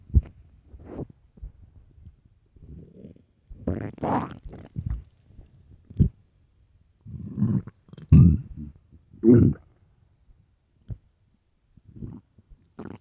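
Irregular low gurgling and rumbling bursts from the abdomen; hunger stomach growling, a normal bowel sound.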